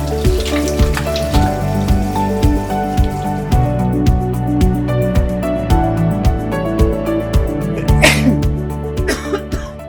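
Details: About five short coughs and throat clears over steady background music; plain coughing.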